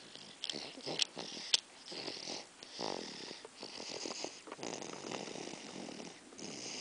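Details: Snoring heard close up: irregular rasping, wheezy breathing noises with snorting bursts and a few sharp clicks.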